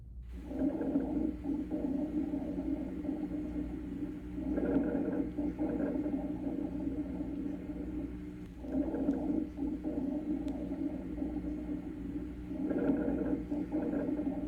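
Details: Rhonchi from a heart and lung sounds reference CD: harsh, loud, low-pitched, rattling, snoring breath sounds generated in the large upper airways (bronchi), rising and falling with each breath.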